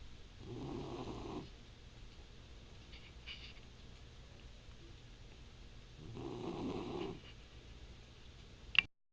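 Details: Soft, raspy snoring during sleep: two breaths about five seconds apart in a quiet room.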